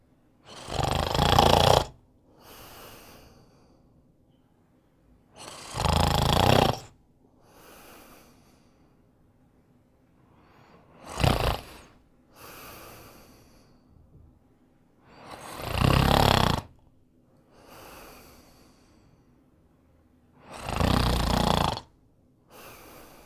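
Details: A sleeping dog snores in loud, rough inward bursts, each followed by a softer exhale, at about twelve breaths a minute: ordinary sleep snoring.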